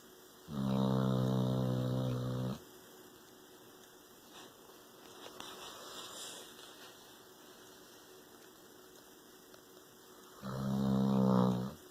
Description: Our dog snores insanely loud...